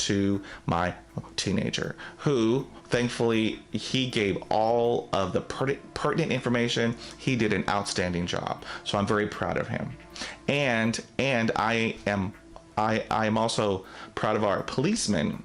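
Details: Adult man who stutters, with audible word and phrase repetitions; stuttering.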